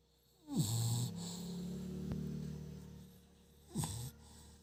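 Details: Dog snoring: a deep, rumbling snoring breath followed by a second shorter snort a few seconds later.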